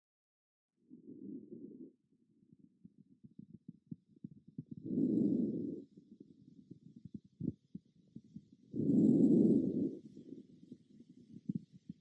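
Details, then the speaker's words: Soft, low rustling breaths about every four seconds heard on bilateral, symmetric auscultation of the posterior and anterior chest: normal vesicular breath sounds from air moving through the airways. "il entend les bruits transmis par le passage de l'air dans les voies respiratoires c'est le murmure vésiculaire"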